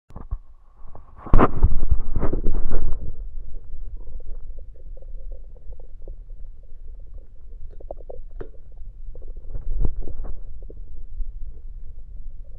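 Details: Recorded over the stomach with an electronic USB stethoscope while drinking Coke: loud gulping bursts, then ongoing bubbling gurgles, rumbles and burps inside the stomach; normal bowel sounds.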